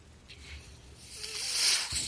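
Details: Podcast host's own mechanical ventilator in the background as he speaks: a soft rising hiss of airflow builds and fades over about a second as it delivers a breath; mechanical ventilator airflow.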